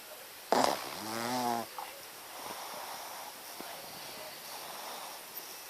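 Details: Shih tzu dog snoring: a brief burst, then one low, rattling, buzzing snort-like breath over a steady background hiss.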